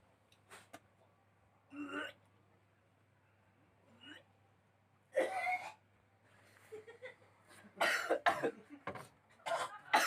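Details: Person seated upright, eyes closed, during alternative nasal cleansing (gurah hidung) meant to expel mucus and phlegm: several wet, harsh coughs and throat clears with hawking between quieter pauses; productive cough.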